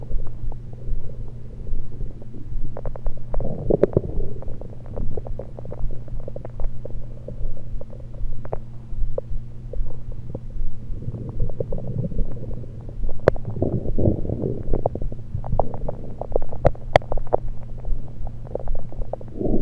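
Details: Stomach recorded with a USB electronic stethoscope, just liquids and air at the time rather than digestion: continuous low rumbling with frequent bubbly gurgles and clicks; active bowel sounds.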